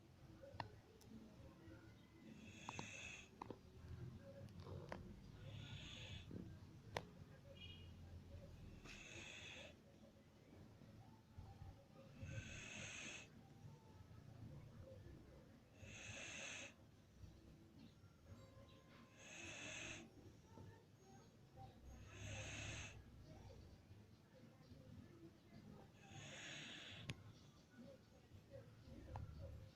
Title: I dont snore huh......